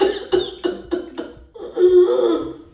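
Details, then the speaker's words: Doctor's imitation of a child's whooping cough, serious stage after day 5–6: five rapid cough bursts followed by a long, high-pitched whooping breath in: paroxysmal cough with inspiratory whoop. "और ये जो खींच के बच्चा सांस अंदर लेता है वो आवाज़ की वजह से इसका नाम काली खांसी या वूपिंग कॉफ डला है।"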